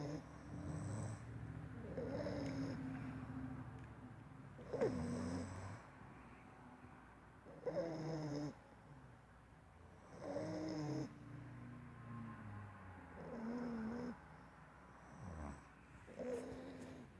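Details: Snoring during sleep: soft, rough snores repeating irregularly with breathing, roughly every three seconds, over a low room hum.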